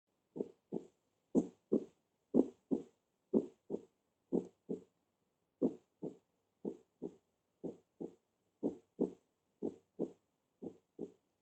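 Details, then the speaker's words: Normal heart sounds: steady paired lub-dub sounds at about 60 beats a minute in a normal rhythm, played as a recording closest to a normal heart. "entonces los más cercanos a unos ruidos cardíacos normales y así vimos escuchar y así sabemos que si vamos a darle y la sonoridad serie doble doble doble"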